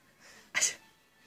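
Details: A single sneeze deliberately imitated by an adult to startle a baby: a soft indrawn breath, then one sharp hissing burst.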